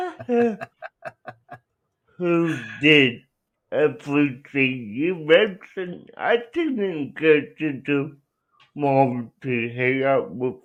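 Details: Adult man with cerebral palsy, real patient answering interview questions; dysarthria (cerebral palsy).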